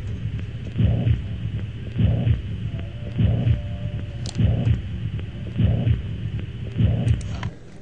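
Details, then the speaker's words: Mitral valve prolapse murmur: regular heartbeat at about 50 per minute with soft swooshing in the background, described as backflow from blood leaking back through a valve that is not fully closing. "Notice when you hear this one, you almost hear like a backflow of kind of swooshing in the background um of that like valve almost collapsing on itself."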